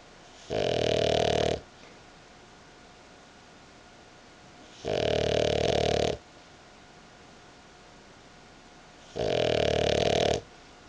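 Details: Dog sleeping on owner's belly, snoring: three loud, regular rattling snores, one roughly every four seconds, about 14 breaths a minute, with quiet gaps between.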